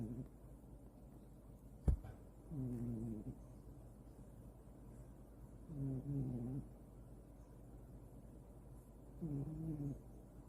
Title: Cat snoring 코고는 고양이 매일매일 장난아니냥!